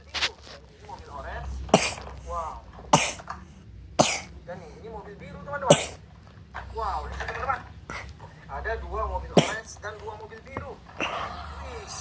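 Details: Young child's cough with a cold (cough and runny nose): several short cough bursts mixed with fussing and vocal sounds in a small room.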